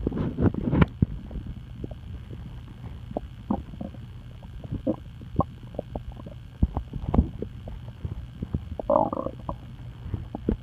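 Irregular gurgles, clicks and low rumbles from the abdomen: ordinary stomach rumbling from gas and fluid moving through the gut.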